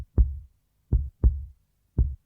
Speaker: the doctor can hear heartbeat through the stethoscope